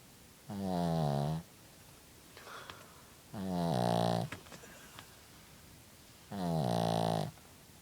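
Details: Sleeping dog: three long, voiced, rattling snores at about 20 breaths a minute, with quiet gaps between; snoring.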